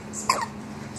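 A single brief, sharp hiccup from a baby against quiet room hum.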